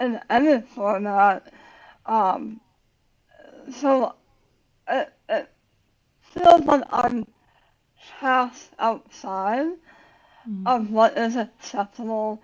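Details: Adult woman about 9 years after tongue cancer surgery with tongue reconstruction using a leg flap, plus radiation; had to relearn talking, worse when tired, some words she cannot say; speech difference after glossectomy.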